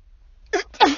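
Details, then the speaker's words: An adult woman, sick with a cold and a smoky, squeaky voice, sits in her car in a garage and talks into a sneeze. A short indrawn breath is followed by a forceful sneeze burst. "Yeah, this is working, sorry, I just kind of stop talking when I feel like I'm about to sneeze. I get, I sort of do both at once."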